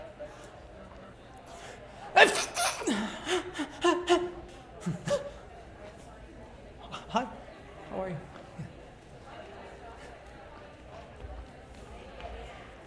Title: resists the urge to sneeze in public without a mask